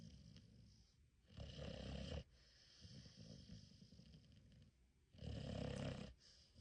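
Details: Sleeping Cane Corso puppy: two loud, rough, rattling snores about four seconds apart, with quieter breathing between them; snoring during sleep.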